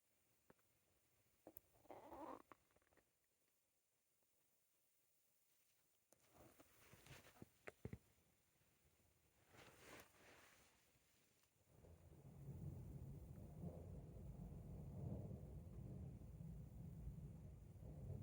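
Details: Adult's stomach after eating bread: soft gurgles and rumbles, with rain starting in the background; normal bowel sounds (borborygmi).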